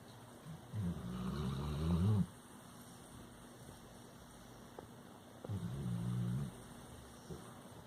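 Two low, rattling breath sounds several seconds apart from a sleeping dog: snoring.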